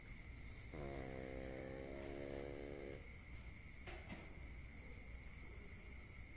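One long, buzzy, rumbling snore lasting about two seconds, then quiet breathing; a steady high-pitched hum runs underneath. Snoring.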